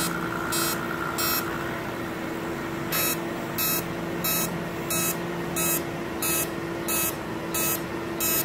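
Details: Fractional CO2 laser treating stretch marks: short high electronic bursts over a steady hum, repeating about every half second to second, as the laser fires pulses.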